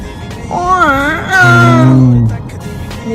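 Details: 4-month-old baby girl: short wailing cry with rising and falling pitch, over background music and nearby adult talk; infant cry.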